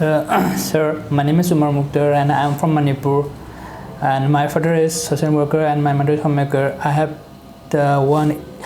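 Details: 22-year-old man with stammering since childhood, recorded before speech therapy; clinician also notes loudness and pitch issues; stuttering.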